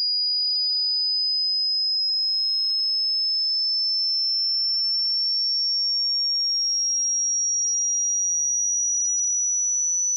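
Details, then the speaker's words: Tinnitus pitch-matching sweep: a single clear, whistle-like tone rising very slowly in pitch, part of a 100 Hz to 16,000 Hz sweep for matching tonal tinnitus pitch. "up next you will hear a frequency sweep beginning at 100 Herz and gradually increasing to, 1600 HZ to get the most accurate experience I recommend using high quality headphones or speakers"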